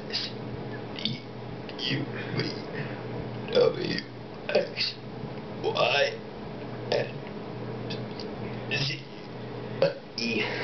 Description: My Friend burping the abc's. Enjoy!